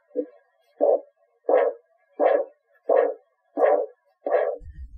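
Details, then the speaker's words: Manual blood pressure demonstration with stethoscope and cuff: regular thumping about 86 a minute as gauge pressure drops, first thump marking systolic, fading until the last thump marks diastolic; Korotkoff sounds. "it will start to fade as the gauge pressure continues to drop until you eventually stop hearing the thumping at all the number the needle is pointing to when you hear the last thump is your diastolic pressure or the bottom number of your measurement"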